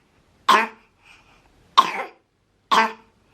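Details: Toddler with a persistent cough not relieved by antibiotics, worse and nonstop in evenings, with occasional evening fevers and coughing to the point of vomiting: three separate short, sharp coughs with quiet pauses.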